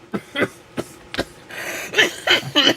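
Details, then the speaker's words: Sudden coughing at the start of a live show by a person who had been fine all day; cough. "God damn I don't know why I'm coughing all of a sudden I'm sorry guys as soon as I hit the start button I started coughing I was fine all day long"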